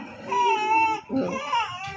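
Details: Infant's loud, high-pitched screaming pain cry in two long bursts with a brief catch between, during ear piercing with a piercing gun, both ears done.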